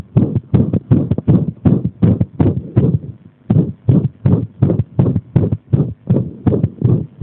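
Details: Arrhythmia induced by compression: muffled heart sounds with uneven spacing and a brief mid-sequence pause, an irregular heartbeat.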